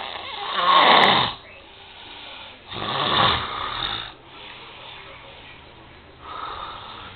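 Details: Loud, rough, rattling snores with each breath a few seconds apart in a small room; ordinary sleep snoring.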